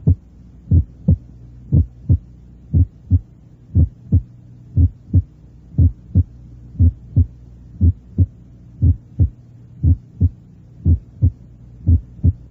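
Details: Teaching heart auscultation recording: regular heartbeat about 60 a minute, each first sound narrowly doubled into a softer then louder, higher part, a normal split first heart sound.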